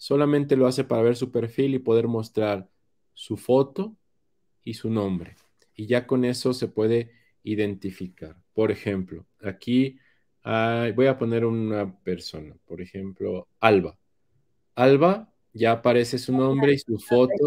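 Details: Adult man speaking Spanish; normal voice.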